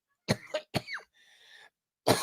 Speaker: You'll hear the coughing. Don't worry. Everything is okay and going to plan.